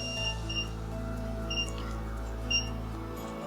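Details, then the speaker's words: Steady electronic hum with intermittent beeps from a microwave ablation machine, current heating a benign thyroid nodule under ultrasound guidance; non-surgical thyroid nodule ablation, antenna repositioned to cover the whole nodule. "जो आप आवाज़ सन का रहे हो यह वह current या hit की आवाज़ है जो धीरे-धीरे ऑडियो को बंद कर रही है"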